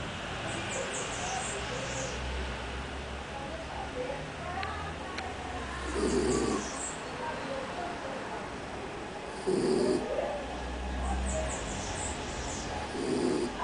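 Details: A sleeping dog's soft, rough snoring breaths recurring every few seconds, roughly 15 to 17 a minute, over steady background noise; ordinary snoring.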